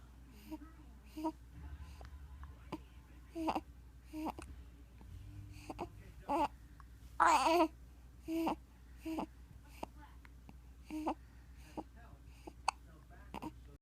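An infant makes about a dozen short, abrupt voiced catches at irregular intervals, typical of hiccups.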